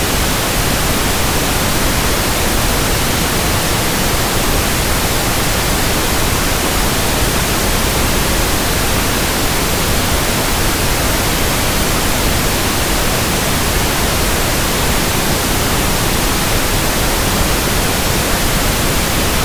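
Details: Simulated tinnitus: steady, soft hissing pink noise static, deeper and rounder than white noise, for tinnitus sound matching and frequency comparison.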